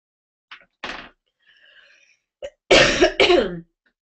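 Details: Adult who says she is sick. A short run of harsh, dry cough bursts, the last two loudest with a rough voiced tail.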